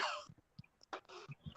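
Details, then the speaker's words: An adult with bronchitis and a touch of pneumonia, on medication, heard over a call line: two harsh, rough cough bursts. "and that cough is really fighting you, huh? Yeah, the bronchitis. And a touch of pneumonia."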